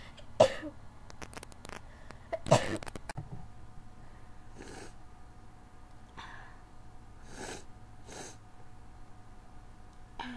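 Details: A run of sneezes with the window open and a need to blow the nose: two sharp explosive bursts close together, then softer breathy puffs, in a quiet room.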